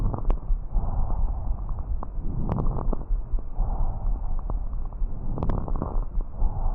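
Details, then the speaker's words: Lung auscultation through a stethoscope with scattered crackling and bubbling pops: fine crackles, as in pneumonia and pulmonary congestion, and coarse crackles, as in bronchitis and bronchiectasis, which clear with cough but not position change. "os Escritores finos ocorrem nas pneumonias congestão pulmonar e doenças já os estertores grossos ocorre nas bronquites e bronquiectasias vamos ao som"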